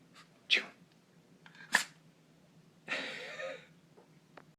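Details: A dog sneezing on cue as a trick: two short, sharp sneezes followed by a longer snorting exhale through the nose.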